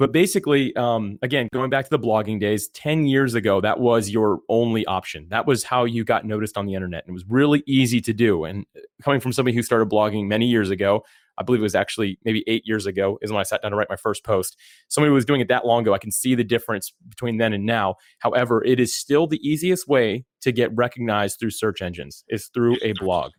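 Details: Adult man; typical speech.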